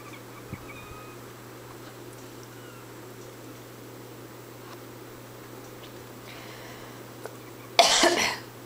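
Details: Single sharp, loud cough burst near the end of a quiet room with a steady low hum; Caboose protests the coughing.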